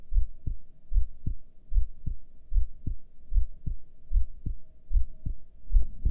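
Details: Normal heartbeat recorded during a breath hold with heart rate display: steady, regular low thumps at about 75 beats a minute.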